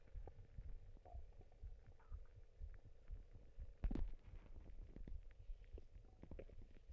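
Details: Stomach noises: deep, low rumbling and gurgling with a louder squelching gurgle midway; ordinary stomach rumbling (borborygmi) from gut movement.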